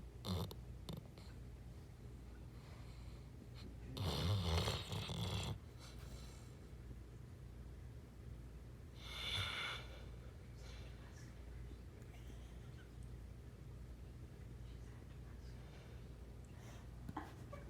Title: Saint Bernard Snoring and Dreaming